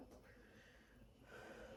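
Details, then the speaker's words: Stethoscope over the back while the patient takes deep breaths: soft airflow noise, all lung fields clear, no crackles or other abnormalities; normal breath sounds. "All right, all lung fields are clear and no crackles heard on auscultation, no abnormalities to note."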